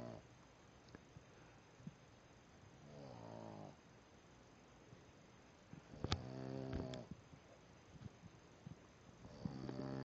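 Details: Snoring in a sleeping Boston Terrier: three low, buzzing rattles about three seconds apart, each on a breath in.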